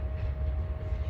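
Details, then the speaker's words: Stethoscope over a girl's (child) right and left iliac arteries during a head-to-toe assessment: low rumble with no whooshing bruit, so no iliac artery bruit. "or trying to hear any brews which i don't know any"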